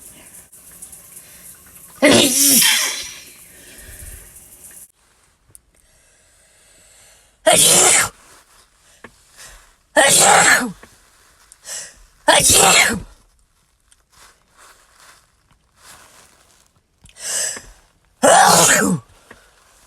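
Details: Five forceful sneezes a few seconds apart, each an explosive hissing burst, from different people in a sneeze compilation; sneezes.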